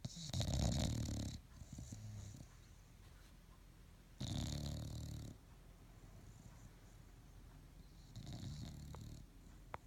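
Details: Sleeping bulldog snoring in the morning: three loud, rough, rattling snores with hissy breath noise, about 15 breaths a minute, with quiet pauses between.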